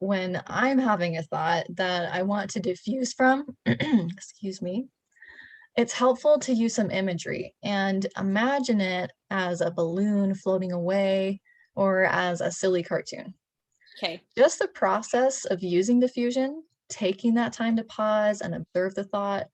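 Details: Adult woman speaking; plain speech.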